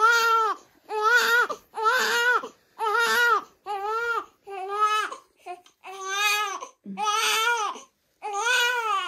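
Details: Infant crying while having clothes changed: rhythmic wails about one per second, with short breaths between cries; infant crying.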